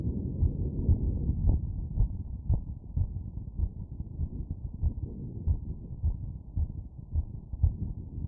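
Rapid, regular heartbeat at about 115 beats a minute, heard over the aortic area after exertion.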